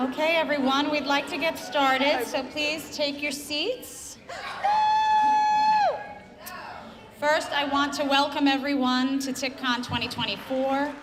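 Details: Adult woman speaking; Normal speech.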